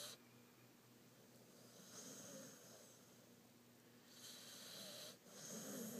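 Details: Pit bull dog snoring very loudly while asleep: rough, noisy breaths repeating every couple of seconds over quiet room noise.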